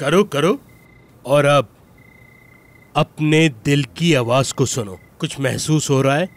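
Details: Adult male speaker; ordinary speech.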